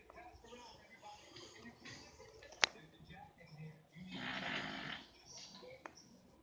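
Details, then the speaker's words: Hotel roommate, a man who hadn't slept the night before, snoring loudly; quiet room, then a harsh, rattling snore of about a second, followed by softer breathing. "But I want y'all to see how my roommate back there snoring like crazy."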